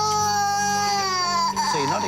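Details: 18-month-old girl who apparently choked on nuts or something similar, with a fragment possibly still in the upper airway and breathing difficulty: a loud, long, high wail sliding down in pitch, then sobs after a breath; distressed toddler crying.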